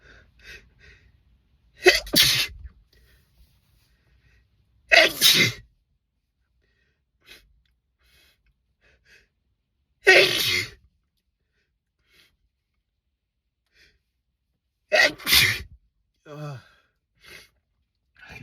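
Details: Sneezing in a car: four forceful, explosive sneezes about every five seconds, separated by near silence.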